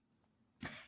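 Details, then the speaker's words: One brief, soft cough after a quiet moment, from a newborn with a cold, runny nose, sore throat and congested chest; cough. "मेरा बच्चा इस तरह से इसको खांसी ए रही है इसलिए मैं होम रेमेडी बनाने जा रही थी"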